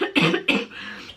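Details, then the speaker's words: Cough from an adult woman with a lingering chest infection she believes she caught on a plane, not yet cleared. "My chest is so bad at the moment. As you guys probably know, when I came back from Zante, I'd come back with a chest infection, which I'm pretty sure I got from the plane, and I've not really got rid of it since."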